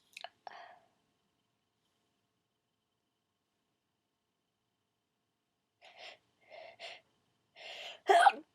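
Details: Quiet, breathy catches of breath build up and end in a brief, held-back sneeze, from a sneezer who starts out stifling and then sneezes full out. Stifled sneeze.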